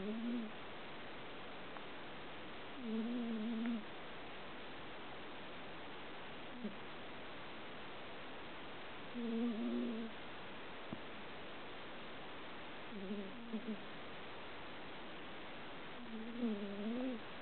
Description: Yes, she snores. XD